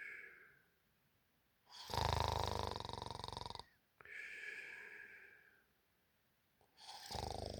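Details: Realistic human snoring at night: loud, rattling snores on breathing in, each about two seconds, with quieter airy breaths out and silent gaps between them.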